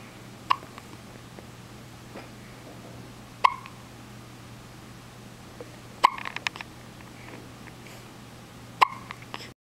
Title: Mr. Hiccup